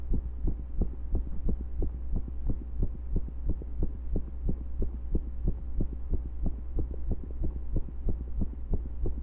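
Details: Heartbeat recorded during pressure and breath holds: fast thumps over a steady low hum with slightly uneven spacing; occasional skipped beats.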